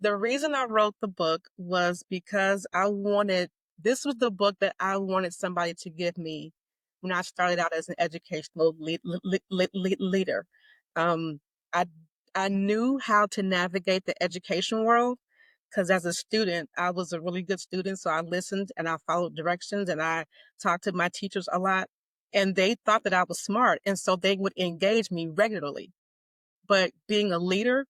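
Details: Stuttering in an adult woman with a lifelong stutter she describes as mild to moderate; formerly covert, openly stuttering since 2018.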